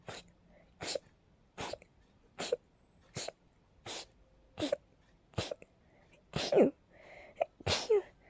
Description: My allergies are really acting up again... Sometimes they cause those crazy rapid sneezes